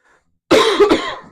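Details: A single harsh cough burst with a brief follow-on hack, fading quickly, from a person on a live stream who is discussing seeing their internist and a possible bronchitis diagnosis; cough.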